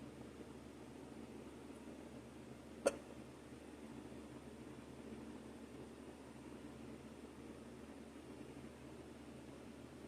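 A single sharp, brief hiccup against quiet room noise.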